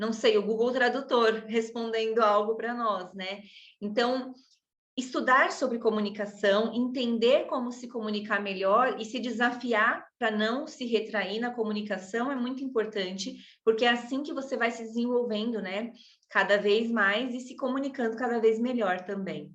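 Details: Adult woman speaking Portuguese; typical speech.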